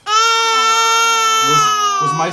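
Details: Infant boy crying after being startled by his father's sneeze: one long, steady, high-pitched wail lasting about two seconds, ending in a breathy catch.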